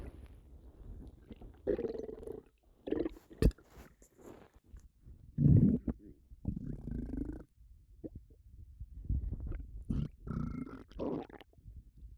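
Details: Stomach rumbling (borborygmi) with a bloated, upset stomach: low gurgling, rumbling bursts with some belch-like sounds, consistent with active bowel sounds.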